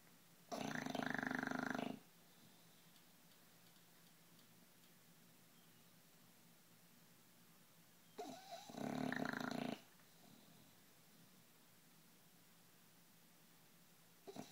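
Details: 11-month-old, 60-pound bulldog snoring in deep sleep: two loud, rattling snores several seconds apart with quiet breathing between.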